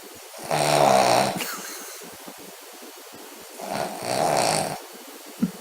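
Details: Two loud, rattling snores on the in-breath with a quiet pause between, from a sleeping foster Spaniel dog; snoring.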